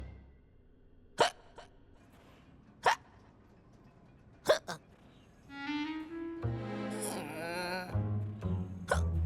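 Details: Animated LEGO DREAMZzz cartoon character hiccuping: three sharp catches at irregular intervals, followed by playful string music; simulated cartoon hiccups.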